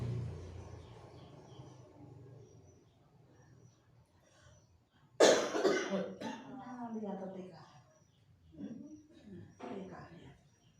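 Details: Single loud, harsh cough burst from a child (school grade 2) followed by softer voice sounds in a quiet room; cough, with mention of about three days of medicine.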